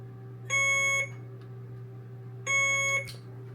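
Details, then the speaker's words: Alaris 8100 infusion pump in ambulance-service training, sounding right after starting a 60 units/kg bolus given over 5 minutes: two steady high-pitched tones about two seconds apart over low room hum; air-in-line alarm. "Oh, so now we have air in the line. In order to clear air in the line, silence your alarm."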